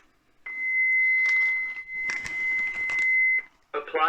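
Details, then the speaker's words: A steady electronic tone with a recorded voice prompt as an automated external defibrillator is switched on and starts its spoken instructions, during a training demonstration before pad placement on the bare chest. "so once we've got a clear canvas we're gonna remove the defibrillator and turn it on and it will start to give"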